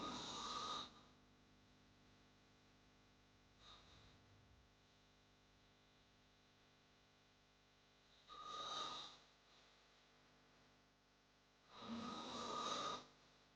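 Three loud rasping snores spaced a few seconds apart over steady background hiss; snoring from a sound-effect recording.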